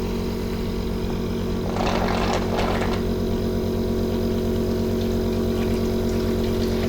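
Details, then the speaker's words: OneMed 7E-series portable suction pump switched on and tested against the hand while the suction regulator is adjusted: steady low motor hum with a brief gurgling, hissing rush as fluid is drawn into the canister. "Nah kalau sudah kita coba dulu nih kita nyalain alatnya Seperti ini dan kita Cobain ke tangan sambil kita atur regulator daya hisapnya"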